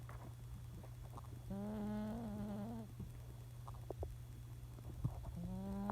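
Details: Senior cat snoring while asleep: long buzzing, tonal breaths over a steady hum.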